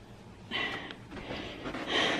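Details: Severely disabled son with residual flu congestion, treated with nebulizer and chest physiotherapy, normal temperature: noisy, snorting, harsh rushing rattly breaths from upper-airway mucus.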